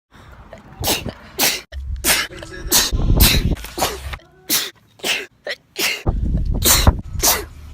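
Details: Repeated sneezing from a compilation of one person's own sneezes recorded over about a year: a rapid run of about a dozen sharp sneezes in under eight seconds, with gasping breaths between bursts.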